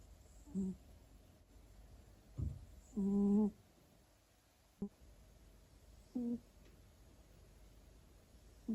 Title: Tuxedo cat snores loudly on his favorite chair